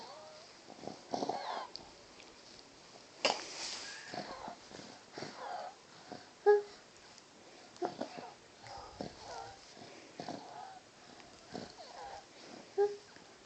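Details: A dog wheezing: noisy, irregular breathing with short squeaky, whistling sounds.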